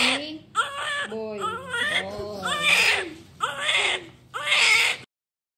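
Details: Repeated strong, high-pitched wailing cries with brief pauses for breath, about five bursts, from a baby after a normal vaginal delivery attended by a midwife: a vigorous newborn cry.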